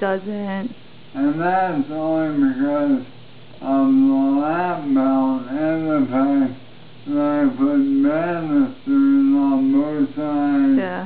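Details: Man with ALS, recorded 10 December 2012, with wasting arm and hand muscles, major weight loss, and no longer able to walk; says his voice has changed dramatically and sounds 'really really drunk'; dysarthria (ALS).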